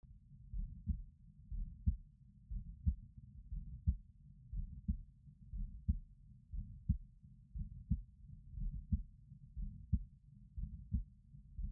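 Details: Steady, regular heartbeat at about 59 beats a minute, recorded with a stemoscope while watching her neck pulse, with clear thumps and a low muffled rumble between: normal heart sounds.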